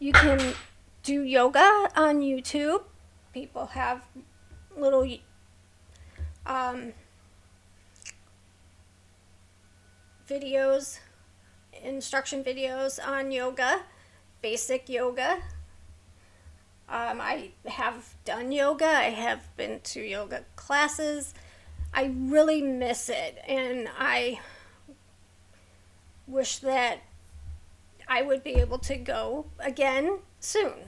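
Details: Vocal tremor in an adult woman with a neurological condition causing tremor of the hands, voice and head plus mild tardive dyskinesia; she strains to talk, which makes her throat sore.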